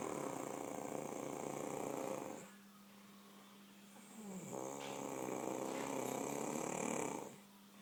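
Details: Mother asleep: long rattling snores on the in-breath with quieter pauses between, plus a steady whistling tone in the background. Snoring.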